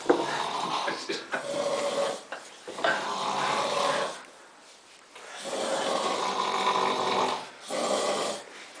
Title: Roncando en Lerida 2